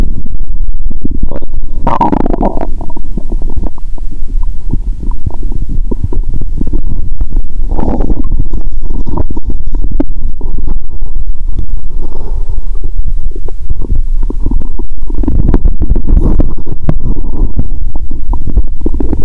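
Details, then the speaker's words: Bowel sounds through a stethoscope over the upper stomach after cola and Mentos, person feeling full and having burped: loud constant low rumble with gurgling swells, different from lower sounds, active. "You can hear a different sound from the upper stomach 👂 ♪. Did anyone burp in my stomach now? 😂."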